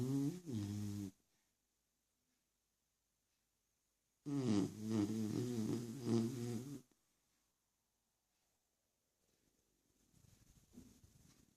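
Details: Sleeping Beagle snoring: loud, low, vibrating snores, one brief and one long and wavering, separated by silence, with soft breathing after.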